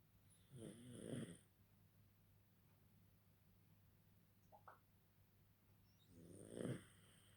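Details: Sleeping pug: two loud, rattling snores about five seconds apart, separated by quiet breathing; snoring in a small flat-faced dog.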